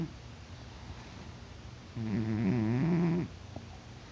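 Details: Cat in deep sleep, not waking despite being poked, snores louder over time; a single drawn-out, low vibrating snore over quiet breathing. Snoring.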